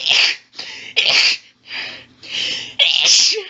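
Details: Female stifling her sneezes, which she feels only makes her sneeze more: six rapid hissing stifled sneezes within a few seconds with heavy hitching catches between; intense stifled sneezing fit.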